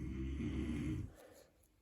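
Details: Dad snoring in the background: one low rumbling snore lasting about a second, then quiet breathing noise.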